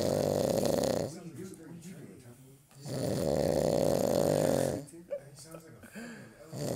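Two long, deep, rumbling snores a few seconds apart, with softer snorts between them; loud animal snoring.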